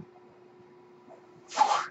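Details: The speaker's own mechanical ventilator, noted during a recorded podcast: faint steady device hum, then a short sharp hiss of air as it cycles a breath.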